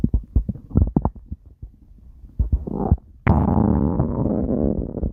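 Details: Irregular low gurgles and pops give way to a longer, sustained rumbling growl: stomach growling (borborygmi).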